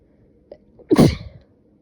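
A quick breath in, then one sharp explosive burst of air through the nose and mouth: a single sneeze.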